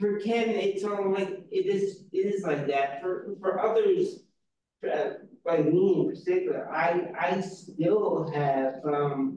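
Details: Real person with aphasia, a member of an aphasia institute who helps train conversation partners; aphasia.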